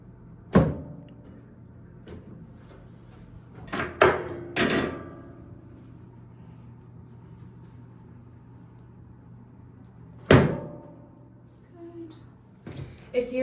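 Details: Several sharp knocks and thuds a few seconds apart in a quiet room: a gentle chiropractic drop-piece adjustment during a mobility assessment, treating a nursing mother's shoulder pain.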